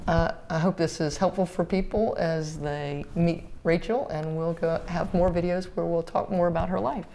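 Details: Adult female speaker; normal speech.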